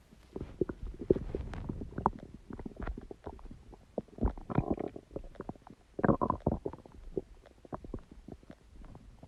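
Irregular gurgling, bubbling and rumbling with brief squeaky runs, coming in bursts with quieter gaps; active bowel sounds, ordinary stomach growling.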